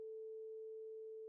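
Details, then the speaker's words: Tuning fork placed vibrating against the mastoid bone for bone conduction in the Rinne test, part of a clinical hearing-loss examination: a steady pure hum of the tuning fork tone. "place a vibrating tuning fork against the mastoid bone sound waves now travel to the inner ear via bone conduction"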